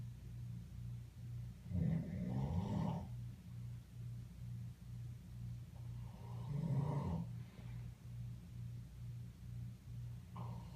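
Three soft, breathy, rumbling snores over a steady pulsing background hum; an animal snoring in its sleep.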